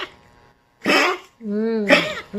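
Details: A 19-year-old elderly dog gives two harsh, hacking cough bursts with a short whine between them: repeated coughing.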